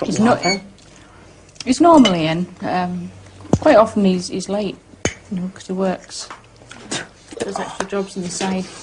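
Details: Adult woman speaking; Normal speech.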